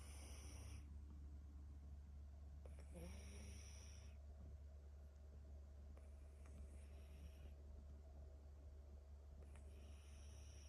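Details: Himalayan (Persian-type) cat snoring heavily in sleep: rough, rattling snores over a steady low hum of room noise.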